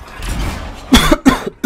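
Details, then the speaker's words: Two sharp, harsh cough bursts from an adult who says he is losing his voice, with a third cough just beginning as the clip ends. "Ah, je vais vous tousser dans les oreilles. Tout simplement parce que... Bref. Vite, il me faut de l'eau."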